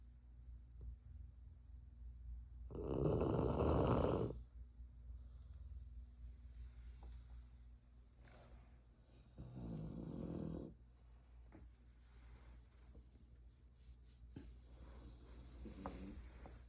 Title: Peaceful Puggle snores #funnyvideo #doglover #shorts